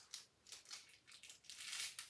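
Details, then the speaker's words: Simulated tracheostomy exam: a saline-dampened catheter is advanced into the inner cannula until resistance or a cough, then the port is occluded while withdrawing; oxygen saturation 98%. Bursts of high hissing, crackling suction: tracheostomy suctioning. "I'm going to be advancing it into the inner cannula until I feel some resistance or hear the patient cough after that I will be occluding the hole and taking it out as I suction"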